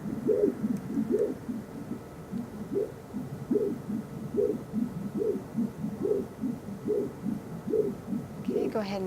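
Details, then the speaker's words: Liver Doppler ultrasound of the hepatic veins while the patient holds their breath: rhythmic whooshing pulses, about 72 a minute, with a quick double swing; a normal upside-down-W hepatic vein waveform, flow hepatofugal. "breathe and we have a classic hepatic vein Doppler waveform here but we have our upside-down W which is what we want to see a blood leaving the liver which is hepatic fugal"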